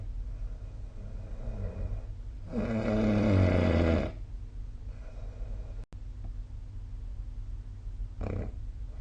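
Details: Snoring recorded with the SnoreLab app: a low, rattling snore on one breath, then softer breathing sounds against quiet room noise.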